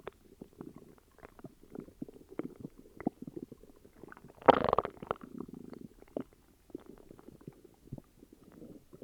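Soft, irregular gurgling and bubbling with one louder rumble midway; stomach growling from an upset stomach.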